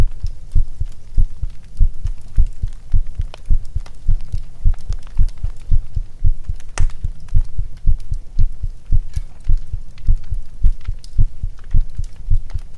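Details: ASMR roleplay heartbeat of a kitsune character during fireplace cuddling: a steady, deep heartbeat at about 105 beats a minute beneath soft fireplace crackling.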